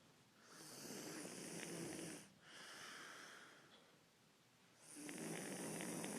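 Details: Heavy snoring: loud rasping, hissy breath noise rising and falling with breathing over two long noisy cycles.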